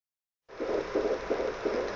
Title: Baby Heartbeat